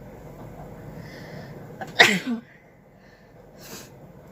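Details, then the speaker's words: Woman doing a sneezing challenge, provoking sneezes with a stick in her nose, which burns and makes her eyes water: one sharp sneeze after a short indrawn breath, then a faint sniff, over room noise. "চোখ দিয়ে জল চলে আসছে। তো ফ্রেন্ডস, আমার চোখ দিয়ে পুরো জল চলে আসছে হাঁচি দিতে দিতে।"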